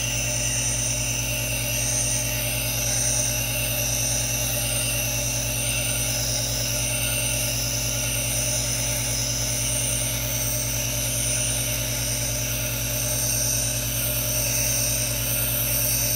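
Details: Aerosol nebulizer running, no talking: steady hissing white noise over a constant low motor hum, unchanging throughout.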